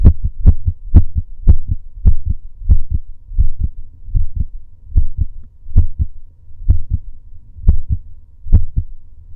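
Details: Male heartbeat recorded during breath holds (breath play): strong, regular two-part heartbeats that slow steadily from about 120 to about 65 a minute over several seconds.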